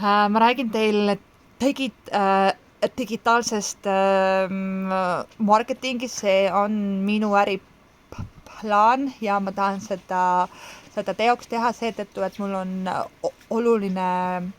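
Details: Adult man speaking Estonian who says he has stuttered since childhood; stuttering.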